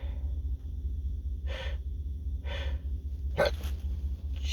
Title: stifled sneezes